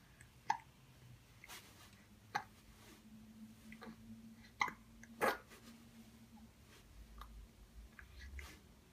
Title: 1 month 19 days - cute hiccups while we are watching an elephant